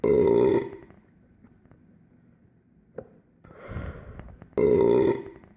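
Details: Burping, played on replay: two loud, low, rumbling burps separated by quiet, with a softer breathy sound between them.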